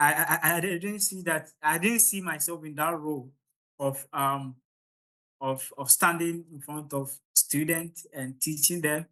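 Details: Stuttering (stammering) in an adult man from Ghana during public speaking; he reports the start of his presentations is usually the most difficult, improving once he gains momentum.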